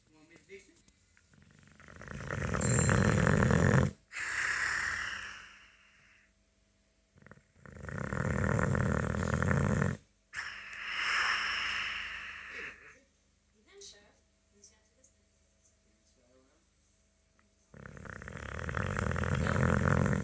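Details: A Boxer dog snoring heavily while asleep: loud, rough snores in long drawn breaths, each followed by a quieter rushing exhale, about every seven seconds with short pauses.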